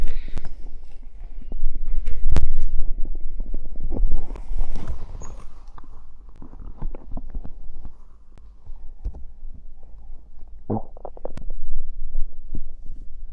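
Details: Stomach growling after drinking cider: irregular gurgles, pops and low rumbles from the belly; bowel sounds (borborygmi).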